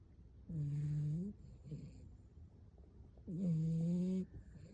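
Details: A dog snoring.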